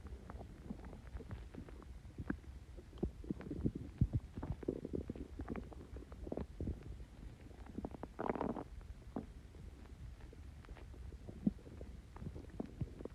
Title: Extremely bubbly coke and mentos stomach Growls